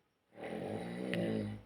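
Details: Sleeping adult man still asleep near 10 am: a single low, rattling, buzzy rumble lasting about a second on breathing in; snoring.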